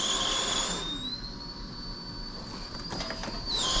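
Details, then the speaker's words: Mask leak squeak on a Respironics V60 BiPAP in ST mode on a dummy, simulated: high, steady squealing tones rising and falling with machine cycling as air leaks around the poorly fitting mask. "and of course it's making squeaky noises because it's"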